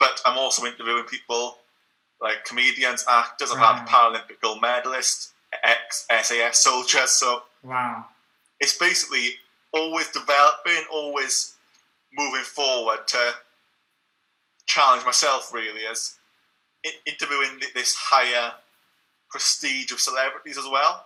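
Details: Stuttering since childhood in a young adult man (stuttered his first 18 years) who still stutters and blocks, using a breathing technique only some of the time.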